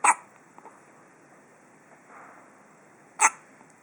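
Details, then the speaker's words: Two sharp, brief hiccups about three seconds apart with quiet room noise between; hiccups. "oh that's a big one goodness gracious"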